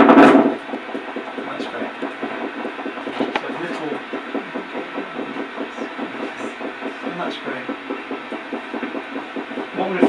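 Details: Needle EMG, 2-inch needle in adult man's muscle during clinical study on diagnosing suspected MND, at rest; spontaneous activity.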